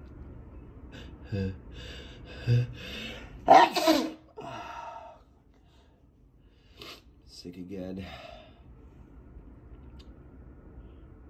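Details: Person with a bad head cold, head all stuffed up, gasping in-breaths building to a muffled, stifled sneeze into a handkerchief, then a sniff; stifled sneezing.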